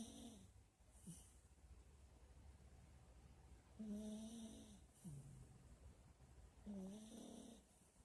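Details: Snoring: soft, low rumbling snores with a nasal squeak, about three breaths over eight seconds, over quiet room noise.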